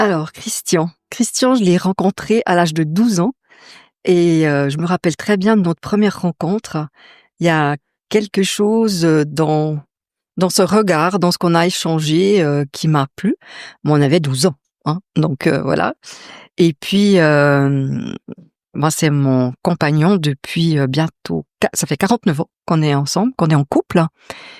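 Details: Adult woman speaking French; normal voice.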